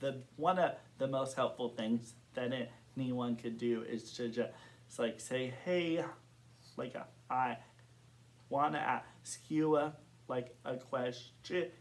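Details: Adult man who has stuttered since kindergarten, reporting blocks and severity varying over time; stuttering.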